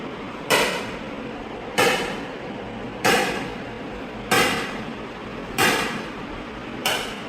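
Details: ESWL on a stented right kidney, second stone (about 8 mm) targeted after the first fragmented, patient without anaesthesia: six loud, evenly spaced cracking shocks about 47 a minute; lithotripsy machine firing shocks.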